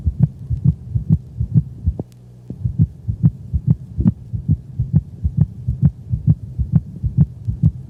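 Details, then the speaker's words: Dog with heartworms, auscultated over the pulmonic region on the cranial left thorax: rapid heartbeat with a close, higher-frequency doubled second sound from delayed pulmonic closure; split second heart sound. "the split sounds are close together and higher in frequency than the first sound this split-second sound was recorded from a dog with heartworms"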